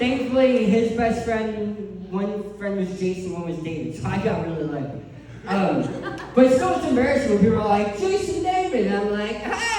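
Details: Adult male who lost 80% of his tongue to cancer, with a permanent speech impediment: articulation impairment after partial glossectomy.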